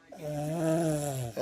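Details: Young child asked to imitate how Mama sounds sleeping: long, steady, buzzing voiced drone, then a brief rising vocal sound; playful imitated snoring.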